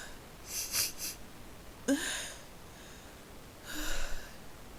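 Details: Person with repeated forceful sneezes triggered by a new spice: three sharp, hissing bursts, each with a brief voiced catch, in a quiet room.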